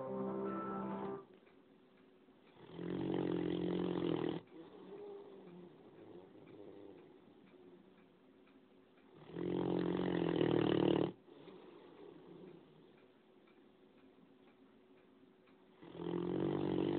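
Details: 9-month-old Great Dane puppy: loud, rough, rattling snores on each breath about every seven seconds, quieter breathing between; ordinary snoring that keeps the household awake.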